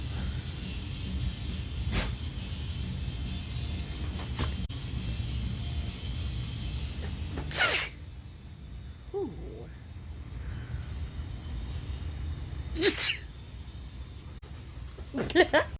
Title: Allergy sneezes